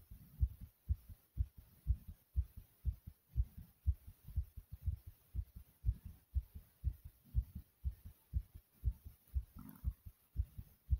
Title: My Heartbeat After Exercising ❤❤